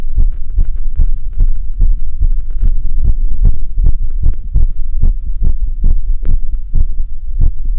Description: Severe sinus tachycardia after spending a bit of time on a rowing ergometer.